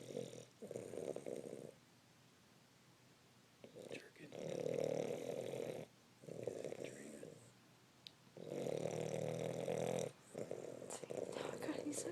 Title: Mac snoring